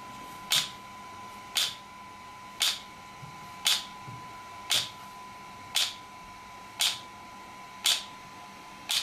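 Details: Sharp, regular clicking pulses, just under one per second, over a steady faint tone, from an ESWT shock wave therapy device used on a patient for joint, muscle and bone pain relief.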